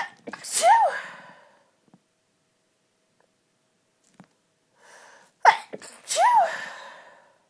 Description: tortured sneezy nose at christmas.... Happy Christmas x